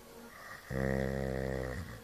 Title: Snoring